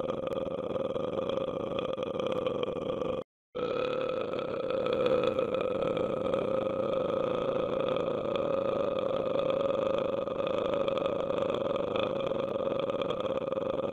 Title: 1 Hour Of Burping - Sound Effect